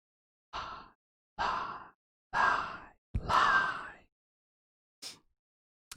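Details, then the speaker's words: Podcast host breathing close to the microphone while feeling a little dried out: several audible breaths, the longer one carrying a faint whistling wheeze. "I love that if I turn it up that high, you can hear the wheeze I had there. I feel like I'm a little dried out."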